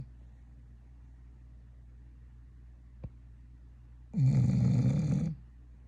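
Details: Female pet dog, owner jokes she may need a CPAP and sleep study: single loud, low rumbling snore about a second long after a faint click, quiet room: snoring.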